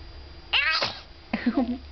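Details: Infant sneeze from a 3-month-old girl: a single squeaky, high-pitched sneeze, followed by a short adult voice.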